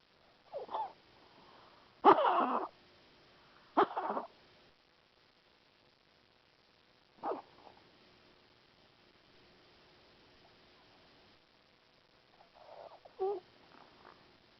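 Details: Dog (Mia) after tracheal stent placement: several short, harsh, honking cough bursts separated by quiet pauses.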